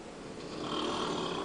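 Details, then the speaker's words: Adult man (husband) snoring very loudly while asleep upstairs in the bedroom, audible from the downstairs kitchen, recorded while walking up the stairs: loud, rough, rattling breaths that grow louder through each inhalation, heavy snoring. "I will be going up the stairs listen to this freaking elephant unreal sounds like a herd of buffalo are running through and he wants to know why I can't sleep at night for"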